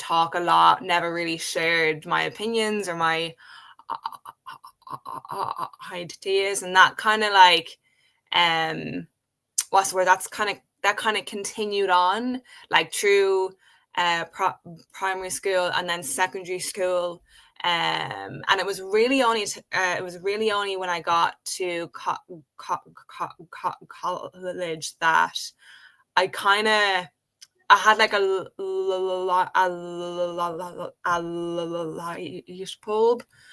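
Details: Adult woman who has stuttered since age five, in natural conversational speech. Stuttering.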